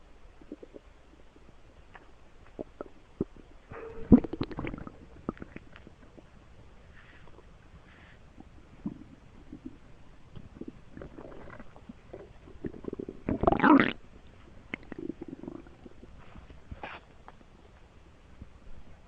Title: More stomach noises